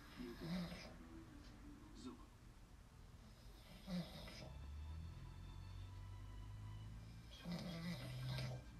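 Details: Ordinary snoring at early bedtime: low rattling snores on breathing in, spaced several seconds apart, with quiet breathing between.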